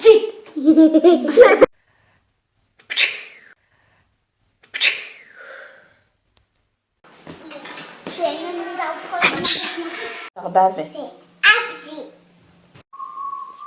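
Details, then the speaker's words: Several sharp, explosive sneezes from a child, among family members and friends, with voices and laughter between them; sneezing. "You like this? Here are some examples of my family and friends' sneezes."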